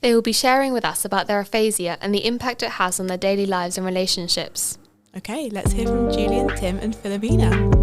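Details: Adult woman speaking; typical speech.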